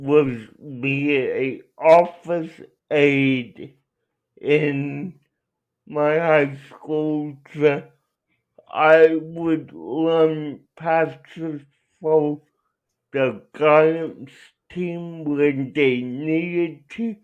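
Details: Adult male with cerebral palsy; dysarthric speech inferred, not explicitly diagnosed.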